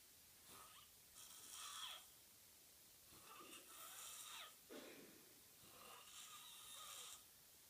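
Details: Harsh, hissing snores with each breath in, roughly four over several seconds, with quiet pauses between them; snoring in sleep.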